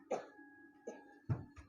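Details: Three short harsh coughs over a steady musical drone, from a female pesantren student reacting with vomiting, coughing and belching during a ruqya session; she reportedly had headache, chest tightness, toothache and gastric pain.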